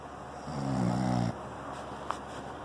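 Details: One low, soft, rumbling snore on a breath in, about a second long, over steady background hum; a soft snore.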